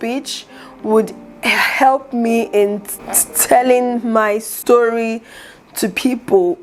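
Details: Adult woman, aspiring public speaker, who stutters, with word repetitions; stuttering.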